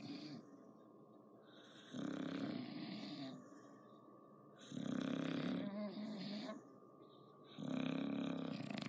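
Loud, rattling, regular snores about every three seconds, roughly 20 breaths a minute; a sleeping bulldog snoring.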